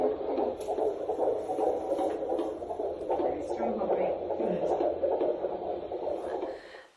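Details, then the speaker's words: Fetal heartbeat on handheld Doppler at a 16-week midwife appointment in a first pregnancy, rate 158, described as very strong with baby moving around: rapid, regular whooshing pulses. "and she said it was very strong heartbeat i think she said most most babies heart rates around that sort of time range from 120 to 160 and i was just one five eight so very strong"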